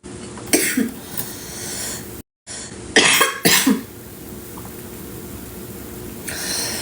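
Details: Two short clusters of about three dry coughs each, with a brief cut between, from an adult woman with a headache and cough during a livestream.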